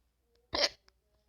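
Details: Hiccup: a single sharp, sudden vocal gulp in a quiet room, from a person who says they have the hiccups while playing Minecraft.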